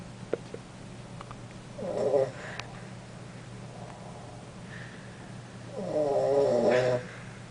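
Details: Cat snoring relentlessly in the evening: two drawn-out, buzzing snores a few seconds apart over faint room hum.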